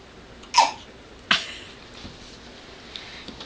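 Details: Young girl with prolonged hiccups, awake at bedtime around 9:37 pm: two brief, sharp catches of breath less than a second apart, in a quiet room.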